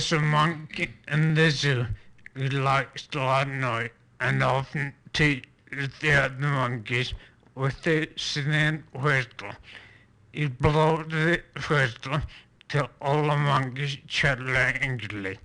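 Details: Patient reading a passage aloud during a neurologic exam, with spasmodic dysphonia from vocal cord spasm, considered a type of focal dystonia.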